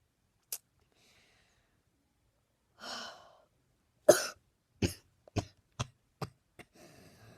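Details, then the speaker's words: Deep breath in, then a run of about six short, forceful coughs tapering to noisy breathing, from a man filming himself coughing for fun; he wishes for a cough drop. "And today you're going to watch me for another 2 minutes cough my lungs out. Yep, there it is."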